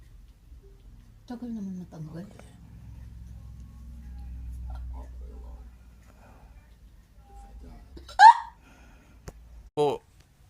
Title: Struggling with hiccups? This method really works!